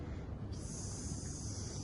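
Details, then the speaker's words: Simulated MRCEM OSCE ATLS station: a steady high hiss starts suddenly over low rumble as a cannula decompresses a suspected right-sided tension pneumothorax; hiss of escaping air; BP afterwards 80/40. "now we can hear the hiss of air so that's me attention deep uh pneumothorax was decompressed"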